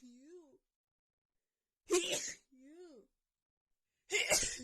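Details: Female sneezing fit right after visiting a friend's home with cats: two forceful sneezes in quick succession, each preceded by a rising, voiced in-drawn breath, after holding back.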